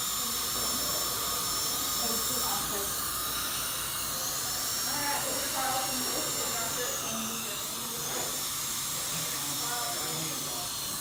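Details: Dental handpiece drill during a dental filling on a patient in a treatment room: a high-pitched whine with hissing air and water spray.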